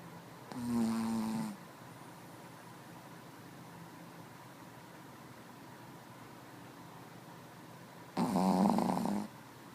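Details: Two loud, rattling snores about seven seconds apart, with quiet breathing between them: ordinary snoring during sleep.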